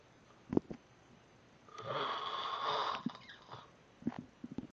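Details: Adult man snoring: a single loud, rough, rattling snore on an in-breath, with quieter breath noises before and after.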